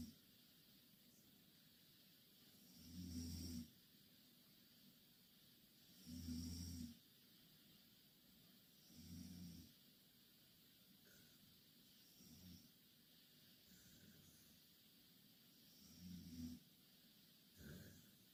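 Rhythmic low rattling snores on each breath in, about 19 a minute, with quiet hiss between: snoring during sleep.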